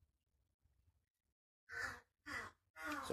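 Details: Three sharp, breathy gasping inhalations after a quiet stretch with faint low rustle.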